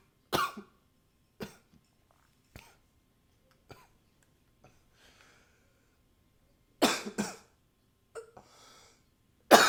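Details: Recorded with a new high-fidelity microphone: irregular coughs, some single and some paired, about 22 per minute, with a brief nose-blowing sound between them; repeated coughing.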